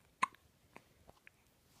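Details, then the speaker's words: 17-day-old baby girl with deep hiccups in the morning, sitting quietly: a few sharp, brief hiccup sounds in a quiet room; ordinary newborn hiccups. "she was just sitting here being a good girl and then you come and that's whoa those are some deep hiccups huh"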